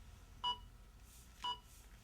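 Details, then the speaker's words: Simulated rescue on a ZOLL AED Plus Trainer2 training defibrillator: after the simulated shock and "start CPR" prompt, two evenly spaced electronic metronome beeps pace chest compressions; the instructor then prompts the student to push harder. "the two middle buttons can only be used during the CPR interval while the trainer to unit is beeping in a scenario with the CPR metronome on"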